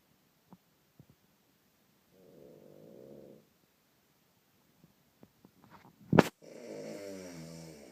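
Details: Two long, rattling low snores separated by quiet pauses and a brief snort, from a father asleep in a hotel room; heavy snoring.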